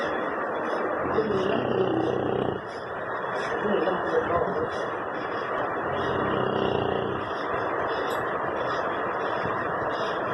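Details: Snoring in a 10-month-old male Rottweiler asleep and tired after exercise, sounding like an adult snoring: two low, rattling snores on slow breaths about 4 seconds apart over steady background noise.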